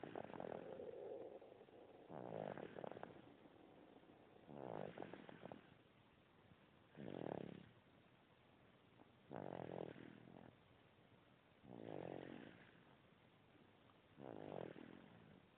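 Soft, regular snoring sounds at about 27 breaths a minute, each one a low rumbling breath: snoring in a young animal.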